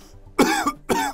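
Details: Cough sound in the context of COVID-19 cough detection research; the subject's infection status is not stated.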